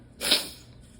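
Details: Allergic sneezing fit: one sharp, hissing sneeze burst.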